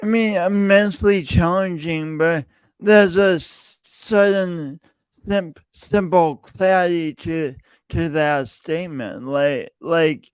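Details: Male podcast host who says his speech impediment is audible every time he speaks; speech impediment (disfluent speech).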